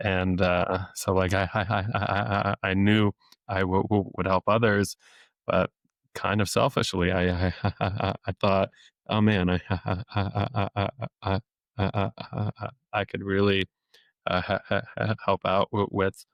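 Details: Adult male speech-language pathologist who has stuttered since age eight, had off-and-on speech therapy into his early twenties, and deliberately lets his stutter show; stuttering with repetitions of sounds, words and phrases.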